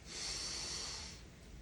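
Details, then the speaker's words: One long, breathy forced exhalation through an open mouth after a deep breath in through the nose and a brief breath hold: a demonstrated huff cough, part of the forced expiratory technique for clearing airway mucus. "what you're going to do is take a deep breath in through your nose with a little bit of a breath hold and then you're going to perform some Huffs with your mouth open your air is coming out of your mouth"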